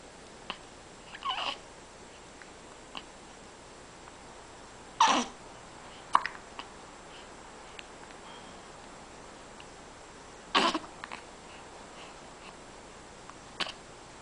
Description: baby hiccups